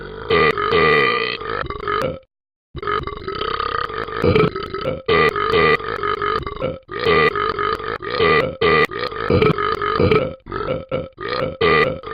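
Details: A person deliberately burping: a long run of loud, drawn-out voiced belches with a few short pauses.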